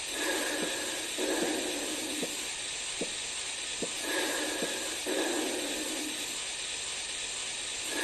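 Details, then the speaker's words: Korotkoff sounds during manual blood pressure measurement with a stethoscope as the cuff deflates; the first beat heard marks systolic pressure, the last beat marks diastolic pressure. "I want you all to listen for the very first heartbeat that you hear up until the very last heartbeat that you hear again the first heartbeat will be your systolic pressure and the last heartbeat will be the diastolic pressure"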